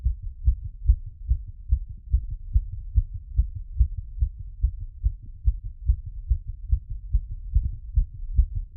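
Rapid, regular heartbeat through a stethoscope at about 140 beats a minute; a normal quickened rate after exercise.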